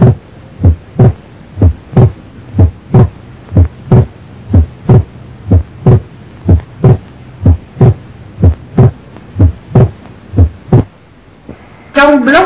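Steady heartbeat about 62 a minute, each beat's second sound split and staying split; fixed splitting typical of atrial septal defect.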